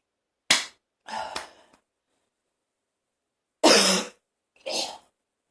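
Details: A person in a bathroom coughing harshly while feeling close to vomiting: two pairs of explosive coughs with gagging and retching noises between the bursts.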